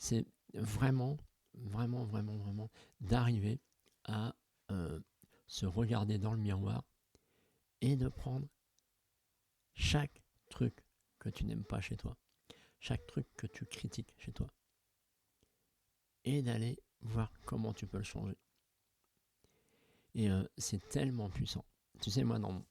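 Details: Hypernasality in an adult man, present since at least adolescence, when the voice was also very breathy; reduced after extensive speech therapy but still noticeable.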